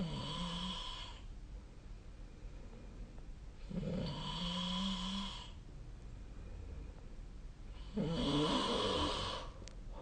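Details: Person snoring during sleep, recorded with SnoreLab app: three rough, fluttering snores on the in-breath, about 15 breaths a minute, quieter exhales between; snoring.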